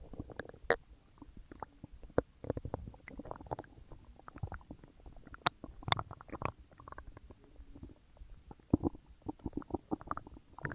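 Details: Loud, active bowel sounds (borborygmi) of digestion after a huge meal: frequent gurgling, rumbling and squelching from the abdomen, a normal finding.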